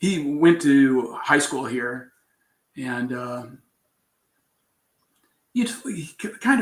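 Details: Aphasia in an adult man after a traumatic brain injury from a bicycle accident about four years earlier, with coma; trouble with words, still recovering.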